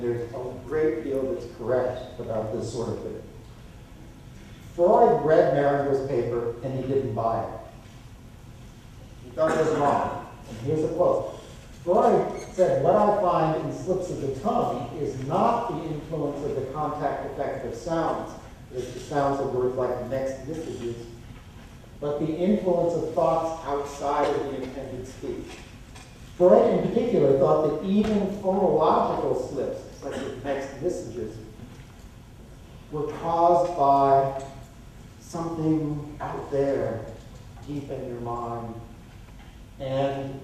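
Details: Adult male lecturer; typical speech.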